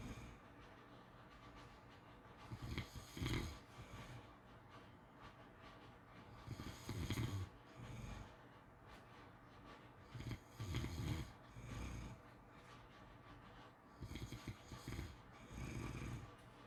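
Soft, rattly snoring breaths about 16 a minute, some in double bursts, over faint background hiss.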